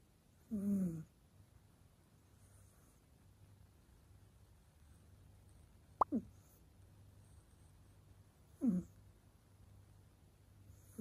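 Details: Soft, brief nasal snorts a few seconds apart in a quiet room from a sleeping rescue cat snoring.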